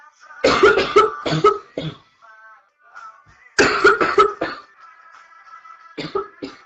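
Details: Female coughing through a livestream early in what becomes a severe chest cold: two bursts of rapid, wet-sounding coughs, about nine in all, over faint background music.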